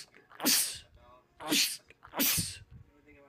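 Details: Three forceful sneezes by a man in quick succession, with faint film dialogue and noise in the background; a rapid sneezing bout in a compilation of film clips.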